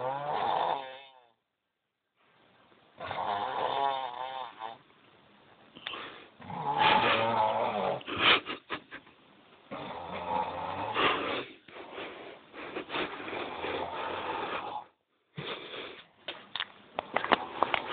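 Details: Loud, irregular, rattling snores with short snorts and gaps, recorded with a muffled, narrow sound; snoring.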